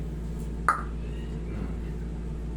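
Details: One sharp, loud crack from the jaw joint during a manual massage adjustment of a man with jaw pain after a basketball injury the previous week, against steady low room hum; TMJ pop.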